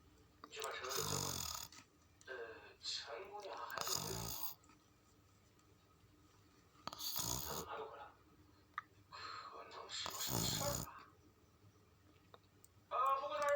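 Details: Sleeping cat snoring like a human in deep sleep: irregular raspy snoring bursts, several snores over about 13 seconds, with quiet breathing between.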